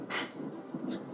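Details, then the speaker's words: Adult sleep physician's own polysomnography recording: snoring changes to sleep bruxism, with short rasping, squeaky grinding bursts of nightly teeth grinding; he suspects jaw soreness. "놀랍게 도 , 그 소리 는 내 가 혼자서 이 를 가는 소리 였다 . 매일 밤 이렇게 하는데 도 이빨이 하나 도 안 남아 있는 게 신기 할 정도 야 ."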